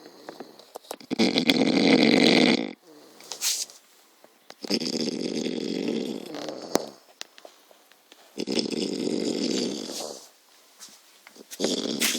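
Loud, rough, rattling snores repeating every few seconds, with soft breaths between; snoring.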